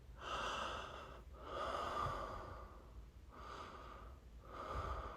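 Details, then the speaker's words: Slow, effortful breathing with a hollow, slightly wheezy rush on each breath while a dental impression tray is held in place, tongue lifted: mouth-obstructed breathing. "remember not to stop breathing during the five minutes you got to keep breathing deep during the five minutes through your nose or mouth or both uh Parts at the same time nose and mouth okay"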